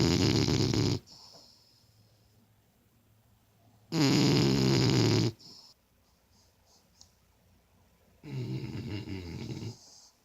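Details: Two companions snoring together: three loud, rough rattling snores on the in-breath, a few seconds apart, with quiet pauses between them in a still room.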